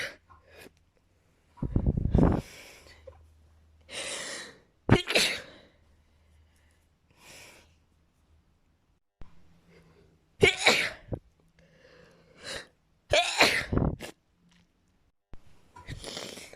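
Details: Person with extremely desperate sneezing: several forceful sneezes, each with a sharp inhaled gasp before the burst, followed by wet nose blowing in a quiet room.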